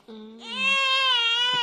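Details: A single drawn-out, rising cry wail lasting over a second from a 10-day-old newborn baby; an ordinary infant cry.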